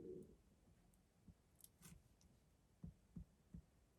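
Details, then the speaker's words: Audible stomach rumbling (borborygmi) while an adult talks in a quiet room: faint low gurgles, then several soft, deep rumbling thumps near the end. "i am so sorry if you can hear my stomach rumbling that is bad um"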